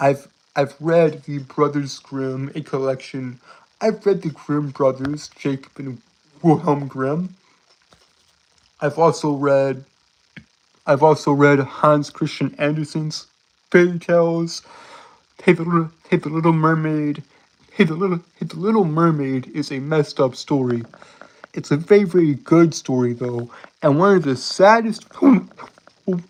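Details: Male with a self-described speech impediment he says he cannot help. Finding: speech disfluency (stuttering).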